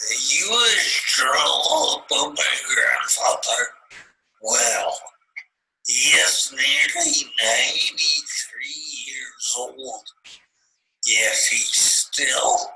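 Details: Adult male after a stroke in the brainstem and other brain areas, reading part of the Grandfather Passage; mixed ataxic dysarthria.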